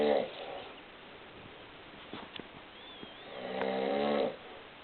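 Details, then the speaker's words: Loud rattling snoring in a sleeping adult man (dad), two snores with a quieter breath between; he snores a lot, faint room noise. "I take um I'm taking a video of dad snoring I'm the only one in my family that doesn't snore"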